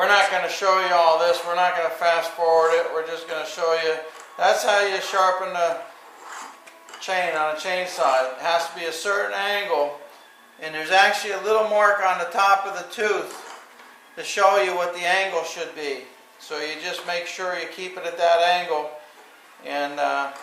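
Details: Adult speaker; typical adult speech.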